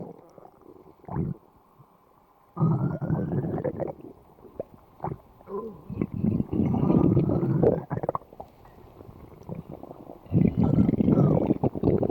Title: Umbrella Stomach Growl